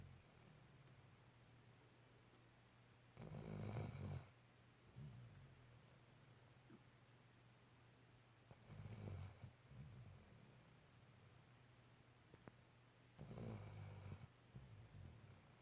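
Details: Soft, low rumbling snores about every five seconds, roughly 12 breaths a minute, from a sleeping puppy in a quiet room: gentle snoring.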